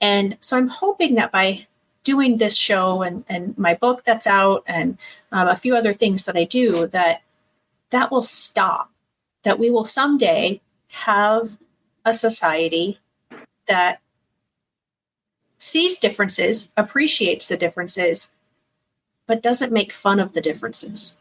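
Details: Adult woman speaking; typical speech.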